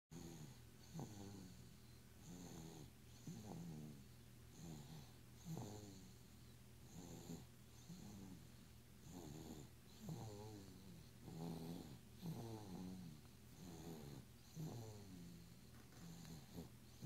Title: Snoring baby - 9 months 1 week old.